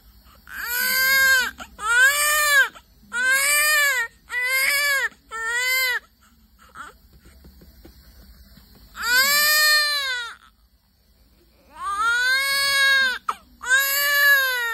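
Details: Newborn baby (likely girl) shortly after birth, described as hungry and keeping her hand up: repeated loud, high-pitched wailing cries in bursts with pauses. A vigorous, healthy newborn cry.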